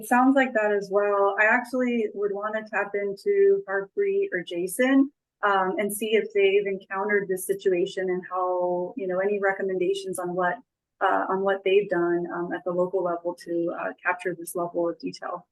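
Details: Adult speaker; ordinary speech.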